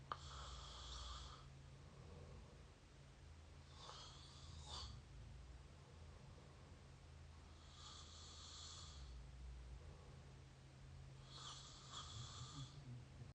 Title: up close mouth snore pt 8